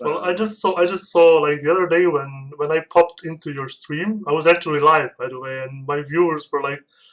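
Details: Adult male speaker; plain speech.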